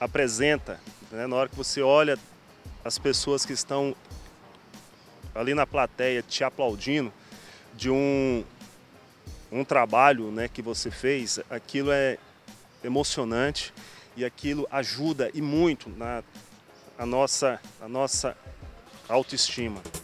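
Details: Person undergoing speech therapy for stuttering; stuttering.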